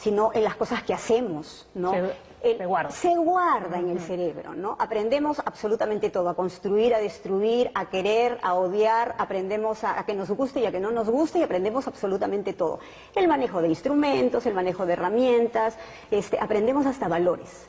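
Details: Adult woman speaking Spanish; normal speech.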